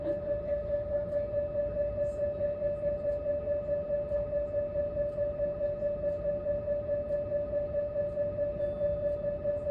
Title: MRI SOUNDS BEHIND DOOR #shorts #MRI